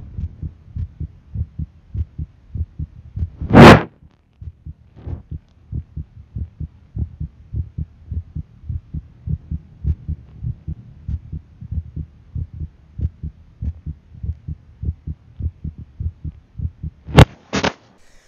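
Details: Own heartbeat recorded by placing an iPhone with AirPods as a stethoscope: regular paired low thumps at about 80 beats a minute, two loud handling knocks; ordinary heartbeat.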